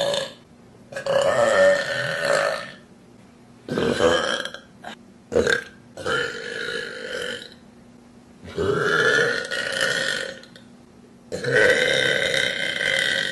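A series of loud, drawn-out burps, several long voiced belches separated by brief pauses.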